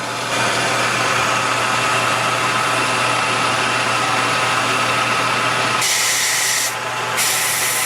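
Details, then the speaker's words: Sierra Dental LRV-4 wet dental vacuum pump (2.1 hp single-phase motor, 230 V) running in a priming test with the inlet covered and the gauge at 14 inHg: steady loud mechanical hum and whine with hissing air. "Now just allow the pump to run for about 10 minutes and then come back and look for any leaks."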